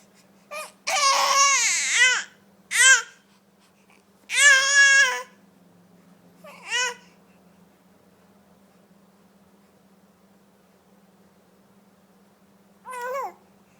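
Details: Infant cries in several short bursts, quiet room with steady low hum; infant cry.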